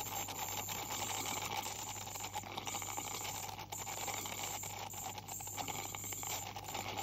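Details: Ultrasonic scaler cleaning tartar in a 44-year-old female with heavy plaque and tartar buildup and possible gingival inflammation, by a dental hygienist: continuous high hiss and buzzing rattle with water spray.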